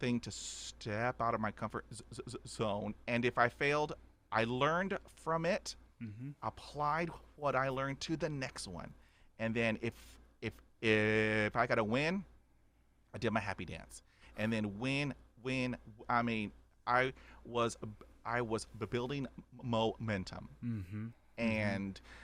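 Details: Adult man stuttering since childhood, about 80% fluent after 20 years of speech therapy, still with blocks and repetitions; stuttering.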